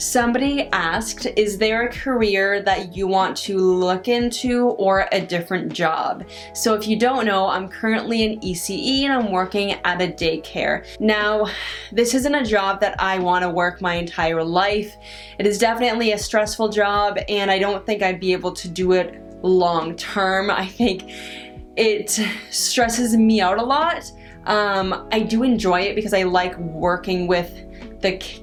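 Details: Adult woman who stutters, working as an early childhood educator at a daycare; she says talking about work is stressful and makes her stutter worse; stuttering.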